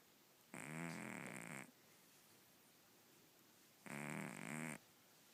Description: Do you think our cat has sleep apnea? She snores so loud!